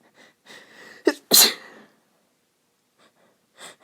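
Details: Female, nose itchy from going outside at this time of year: a soft inhaled build-up, then one short, gentle sneeze burst and a faint breath; sneezing.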